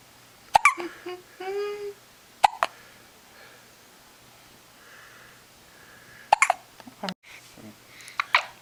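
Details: A 10-day-old baby girl, whose whole body shakes with each hiccup, gives several sharp, brief hiccups over a few seconds, with soft vocal sounds between them in a quiet room. Hiccups.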